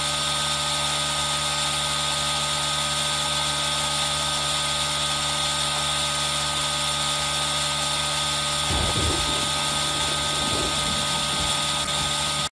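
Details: Continuous high-pitched mechanical hum and hiss of an aerosol nebulizer running, mixed with rain-like background for ASMR, recorded on a Zoom H1n.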